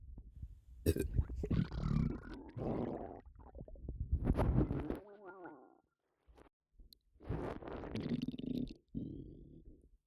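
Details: Bloated stomach with an upset stomach: loud, low gurgling and squeaky rumbles (borborygmi) from the belly, with a brief burp.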